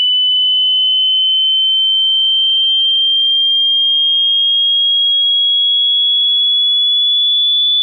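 A single pure, high tone gliding slowly upward in pitch: a synthetic sweep used to test hearing across frequencies.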